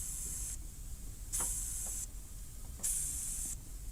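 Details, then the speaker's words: Intubated infant on a ventilator, heard through a tri-headed digital stethoscope to confirm endotracheal tube position, with chest rise and tube misting seen: equal bilateral air entry, normal breath sounds. "hear equal and bilateral air entry"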